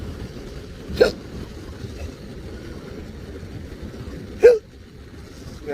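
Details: Intractable hiccups lasting since December 2015, recorded September 2020 in a patient on a GERD medication regimen: two sharp hiccups about three and a half seconds apart over steady engine noise.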